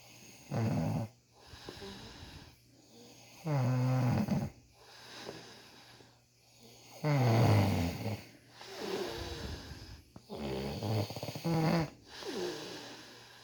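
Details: Man snoring loudly during beard ingrown-hair removal: loud, deep, rattling snores about every three seconds with softer exhalations between; heavy sleep snoring.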